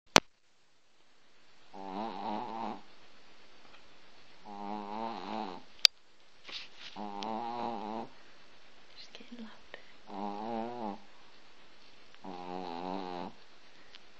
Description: when our chihuahua lulu starts to snore. please watch, it so funny!